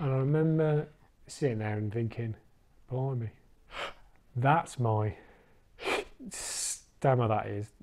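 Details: Stammering (stuttering) in an adult man in recovery after attending a stammering course.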